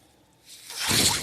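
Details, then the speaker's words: Podcast host's own mechanical ventilator heard while he speaks: soft airy hiss swelling over about a second as it delivers a breath; mechanical ventilator sound. "All right, everyone. My name is. That noise you're hearing is my ventilator."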